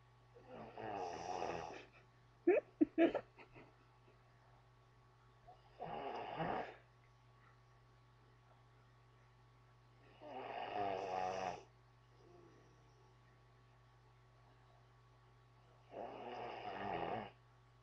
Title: This IS how Hillbillies SLEEP pt.2(why is he snoring like that)